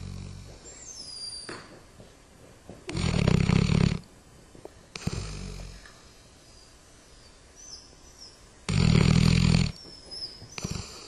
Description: dog snoring